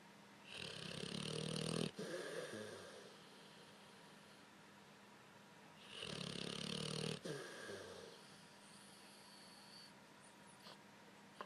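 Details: Loud, rough, rattling breaths drawn in roughly every five seconds with quiet pauses between them; snoring in a sleeping overweight blue-nose Pitbull with facial movements.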